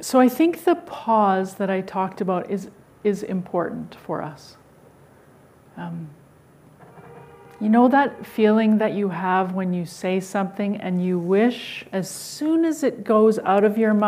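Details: Adult woman speaking; typical speech.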